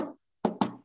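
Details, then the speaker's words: Teaching imitation of a fourth heart sound (S4, atrial gallop), the 'Ken' of 'Kentucky' heard just before the usual S1 and S2. Soft thuds with a quick paired beat. Attributed to forceful atrial contraction pushing blood into the ventricles. "see the patient has a what a for heart sound okay so don't don't confuse it and usually for sound is because there's some form of it comes because of what we the atal contraction when the atrium pushes so hard to force blood into the ventricles then you are going to have what a fourth heart sound"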